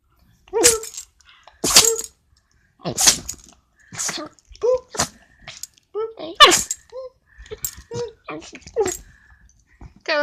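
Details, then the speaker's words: Dog sneeze attack: a run of about a dozen sharp, hissing nasal sneezes, coming every second or so, with short snorting breaths between them. "Carlos, it's okay. In the mouth, in the mouth. Good, you okay? You having a sneeze attack?"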